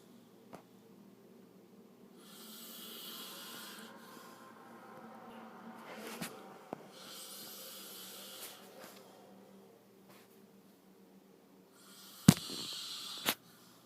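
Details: Man snoring in sleep: slow breathing with hissy, rattling snores on the in-breaths, about three over fourteen seconds, plus a couple of sharp knocks.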